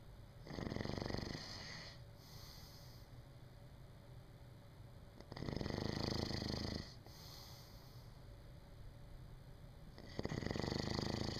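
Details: Adult who got only 4 hours of sleep, asleep: three loud, rough, rattling snoring breaths about every five seconds, roughly 12 per minute, with quiet gaps between; snoring.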